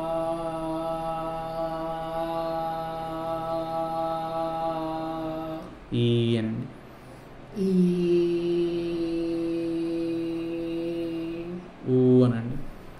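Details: Male patient with a high-pitched voice since his teens, producing a sustained sound; puberphonia.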